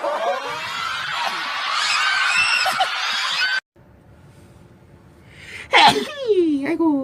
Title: Sneezing Compilation